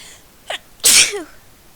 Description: I'm doing this video on a request. I sneezed thrity times in a row.